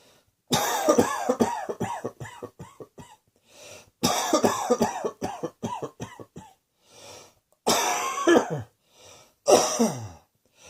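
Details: Repeated harsh coughing in several bouts, each a rapid run of coughs trailing off, with quiet breaths between.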